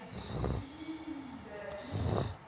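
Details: A child imitating snoring, not real sleep: two low, rattling snore-like sounds separated by a higher hum.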